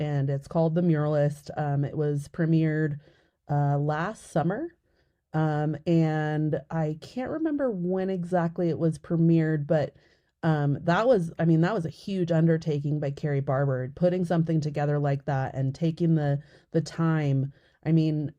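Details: Adult woman speaking; typical speech.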